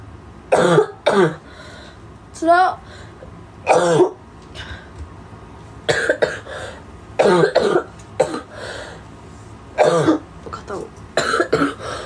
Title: Japanese Girl Coughing